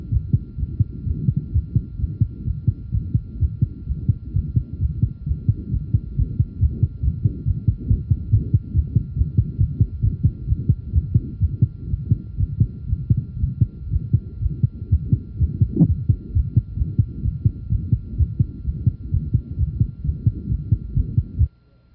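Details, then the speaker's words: Boy aged 11, innocent murmur first detected at five days old: grade 2/6 faint early-to-mid systolic murmur with musical quality over steady regular heartbeat; innocent systolic murmur. "a grade two faint innocent systolic murmur can be detected it has a musical closet"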